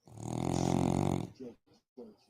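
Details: A sleeping pet dog: one loud, buzzy, fluttering snore over a second, likened to a fart, then a few softer snuffling breaths; snoring.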